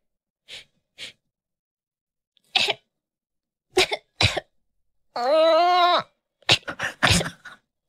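Several short, dry infant coughs in small clusters, with a brief voiced whine between them.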